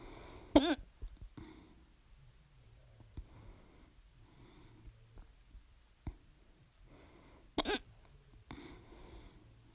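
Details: Second bout of loud hiccups, starting at 11:24 P.M., that drinking water and breath-holding did not stop: abrupt, loud voiced gulps at uneven intervals, about four in ten seconds, against quiet breathing.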